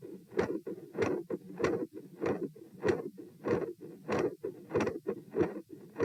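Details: Heart sounds recorded at position P during a stress test (lying, sitting, standing, bobbing; 72-114 bpm): regular beats near 95 a minute with a continuous machinery-like murmur and high-pitched clicks.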